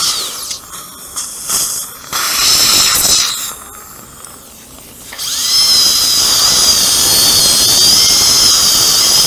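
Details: Upper second molar sectioned with a diamond bur before immediate implant placement, roots fused like a single root: brief quieter handling sounds, then steady high-pitched dental drill whine with water spray cutting into the tooth.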